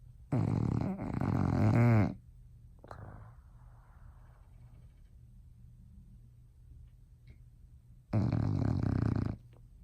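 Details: Female bulldog sleeping in her owners' bed at night, snoring loudly: two loud, rumbling snores several seconds apart with quiet breathing between; heavy snoring in a sleeping dog.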